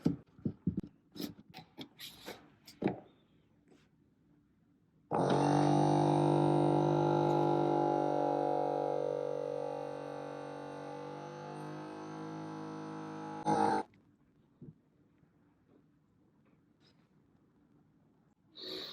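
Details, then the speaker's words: Steady motor drone about eight seconds falling in pitch, then a brief air-release hiss: Omron M3 automatic upper-arm cuff inflating for the first Galaxy Watch calibration reading, which gave 117/80. "Now we are ready to take the reading, so press next. Start the blood pressure monitor now. So we're going to go ahead and start it."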